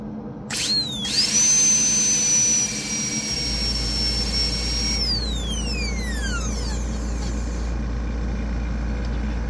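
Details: High-pitched whine of a dental high-speed handpiece with a coarse diamond bur spinning up, holding steady, then winding down, during endodontic access preparation on tooth #8 for a dental board exam demonstration.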